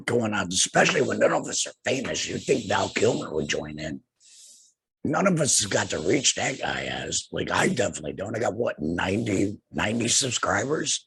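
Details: Adult man, two years after laryngectomy for cancer treated with radiation and chemotherapy, with no larynx and breathing through a neck stoma, speaking with a tracheoesophageal puncture (TEP) voice prosthesis and using an HME: tracheoesophageal speech after laryngectomy.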